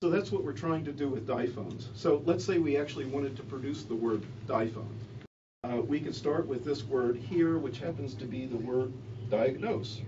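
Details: Adult male speaker; normal speech.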